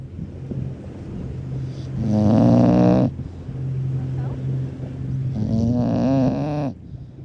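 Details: Loud, rattling snoring from a sleeping bulldog at the beach, two long snoring breaths about three seconds apart over steady low background hum.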